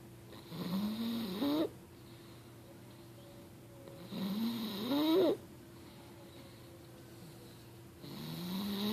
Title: snoring 6/25/2013